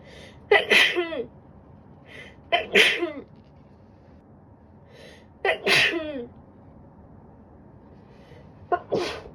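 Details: Woman sneezing with a winter cold: a run of four sharp sneezes, each led by a quick indrawn breath and ending in a voiced burst.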